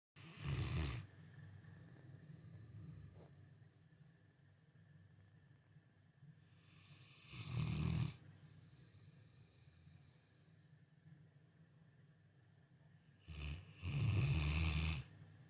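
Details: Pet: three loud, deep, rattling snores about six to seven seconds apart, with quiet breathing between, roughly nine snoring breaths a minute; snoring.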